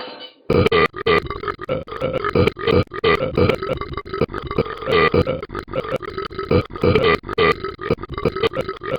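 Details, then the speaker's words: Animated game character Ben burping for comic effect: a long string of loud, rumbling, voiced, music-like burps. "I hate that glitch burp."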